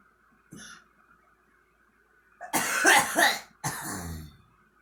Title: girl coughing